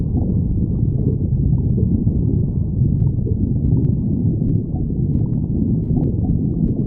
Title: stomach growling 5